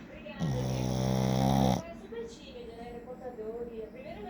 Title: Shih-tzu roncando - Shih-tzu snoring. 🤣